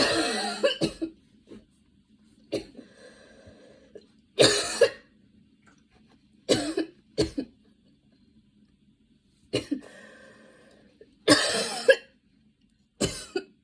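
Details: An adult's coughing fit while getting ready, about ten harsh coughs in quick clusters with brief breaths between.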